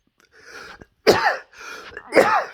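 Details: Two harsh, loose cough bursts, each with a softer breathy lead-in, from an adult who says they feel unwell, about 54 percent, after pushing through instead of resting.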